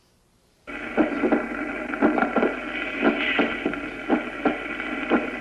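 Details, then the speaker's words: Regular paired heart sounds about 60 a minute over a steady hiss: normal first and second heart sounds; second sound louder at pulmonary focus until about age 25, aortic thereafter. "hasta los 25 años de edad aproximadamente el segundo ruido es más intenso en el foco pulmonar y después de los 25 años se oye más en el aórtico pues como consecuencia de la presión arterial se alteran las valvas aórticas escuchémoslo"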